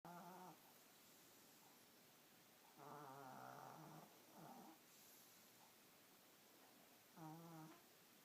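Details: A sleeping puppy makes repeated soft, whistling, squeaky snores with quiet pauses between breaths over a low room hiss.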